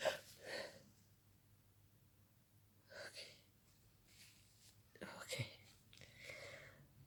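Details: Quiet, close, breathy bursts with sharp gasps and several sneezes in a row, muffled in a small room, from a person feeling sick who woke in the night sneezing; an intense, rapid sneezing fit.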